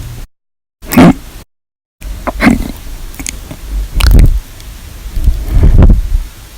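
Abrupt, forceful gulping bursts with sharp catches, repeating irregularly in a choppy recording, fitting loud hiccups.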